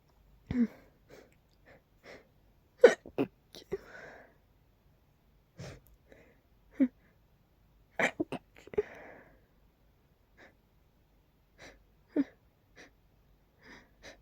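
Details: Night-time sneezes from a nose tickle, deliberately pinched to stay quiet: a run of small stifled sneezes with soft breaths between, quiet room. Suppressed sneezing.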